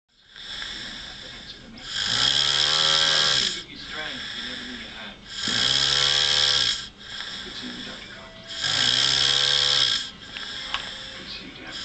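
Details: Adult man passed out asleep on a couch, snoring: loud, rattling snores on each breath in, about 18 a minute, with quieter breathing between them.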